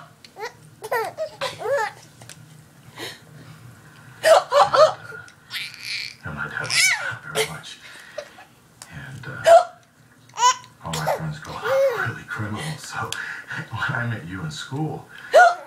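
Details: Baby giggling and babbling with hiccups: occasional sudden, sharp hiccup catches interrupt the laughter.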